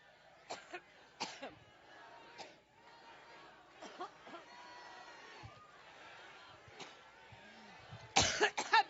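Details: A woman coughing violently at a speech in Cleveland, Ohio: a run of repeated dry coughs through a microphone, with hall echo and low crowd noise.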